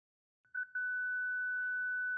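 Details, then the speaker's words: Zenix defibrillator with internal paddles, charged to 2 joules during a paddle test: a short stuttered onset, then a steady high-pitched continuous ready tone signalling charging is complete. "To test the internal paddles, charge Xenex to two jewels. Wait for the ready tone."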